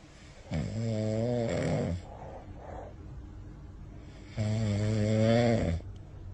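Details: Sleeping dog snoring: two long, rattling, tonal snores with quieter breathing between them.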